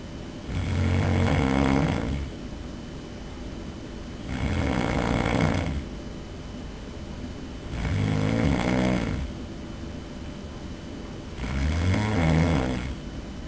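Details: Snoring during sleep, recorded by a roommate: loud, rough, rumbling snores on each breath in, four in about 13 seconds, roughly 18 breaths a minute; heavy snoring.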